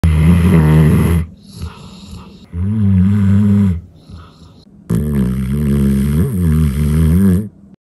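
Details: Bernese Mountain Dog snoring extremely loud: very loud, rattling, low snores on each in-breath, about three in eight seconds, with quieter out-breaths between; heavy snoring.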